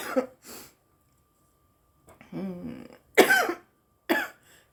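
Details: Woman smoking a marijuana joint: a few short, rough coughs and throat clearing between breaths, an irritant cough after inhaling smoke.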